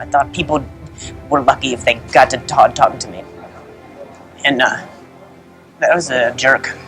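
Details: Adult man whose speech was affected after a softball hit his throat four years earlier, damaging nerves in his vocal cords; stuttering.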